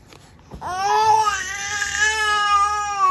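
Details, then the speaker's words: Baby son crying with tears: a strong, sustained, clear-toned infant cry rising after a short pause in a quiet room. "Bakit naiyak ang baby ko? Why are you crying, baby? Why are you crying?"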